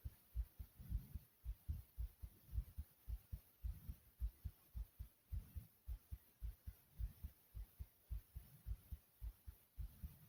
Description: my heartbeat is pounding hard in this video i hope you enjoy it.